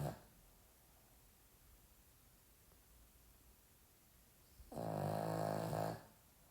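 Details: Sleeping Pomeranian dog snoring: a quiet stretch, then one loud, buzzing, vibrating snore lasting about a second.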